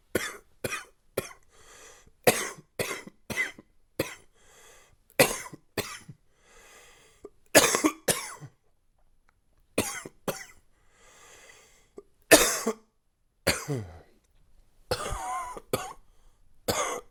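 Repeated loose, chesty coughs in short bursts with pauses between, with a congested, wet quality from a cold.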